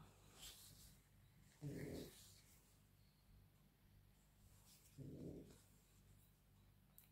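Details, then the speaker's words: A sleeping dog lying beside the speaker snores: two soft, low rumbling snores about three seconds apart, roughly 18 a minute, over a steady low room hum; ordinary snoring. "donc j'ai rosette à côté de moi vous l'entendez peut-être qui ronfle et j'ai ma petite poupette qui est à la sieste voilà voilà"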